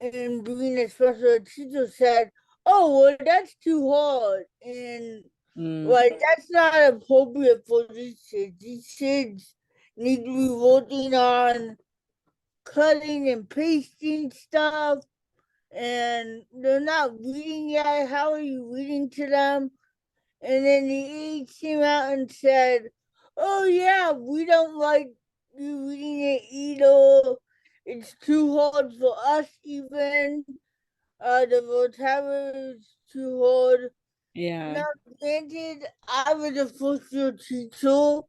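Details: Adult female educator and author with cerebral palsy and an early speech delay; dysarthria.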